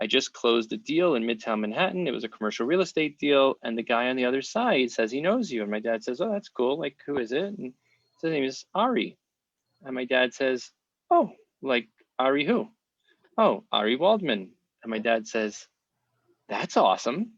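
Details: Adult man; ordinary speech.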